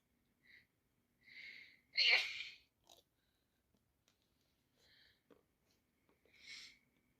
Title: My boss and me sneezing tonight both full of flu either me or her sneezing and one point